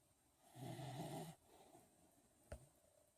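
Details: One low, rattling snore on a breath in, then quiet breathing with a brief snort; ordinary snoring.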